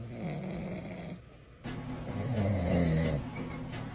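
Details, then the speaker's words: Dad snoring while a baby reacts scared: a low rattling snore on the in-breath, a pause, then a louder, longer snore. "snoring. My poor baby is scared."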